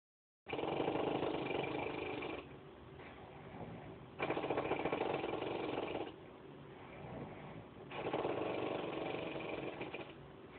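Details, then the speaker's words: Mother sleeping gives loud, buzzing, motor-like snores about two seconds each, three in ten seconds, with quieter breaths between; heavy snoring. "mam mam roll on your side or good lord roll over on your side you sound like a speedbat"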